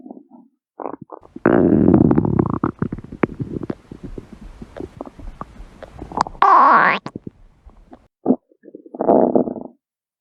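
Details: Stomach growling (borborygmi): loud gurgling and rumbling from the belly, with long growls, rapid bubbling pops and a squeaky rising gurgle; normal stomach growling.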